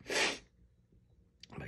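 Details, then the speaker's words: A single loud, explosive sneeze, then a short pause and a sharp intake of breath, from a person with allergies and an itchy nose who has been sneezing repeatedly; sneezing. "my allergies are crazy today oh my goodness excuse me"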